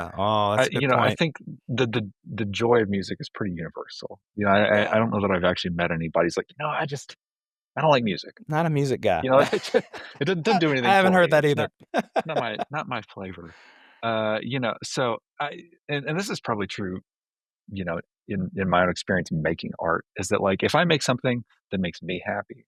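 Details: Adult male speaker in conversation; normal voice.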